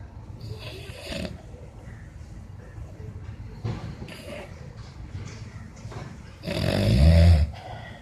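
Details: Person snoring during sleep: low, rumbling snores recur every few seconds, the last one louder and rattling, against quiet room noise; snoring.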